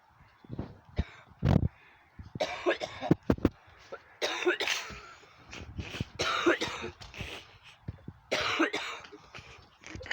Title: Cough